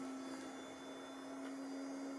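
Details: NextStep neonatal resuscitator and transport ventilator demo with tidal volume set down to about 2 mL per breath: steady mechanical hum with a fixed low tone; neonatal ventilator operating.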